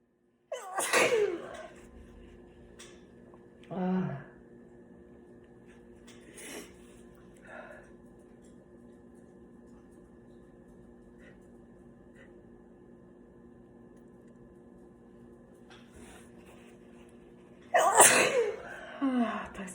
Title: Sneezing with tissue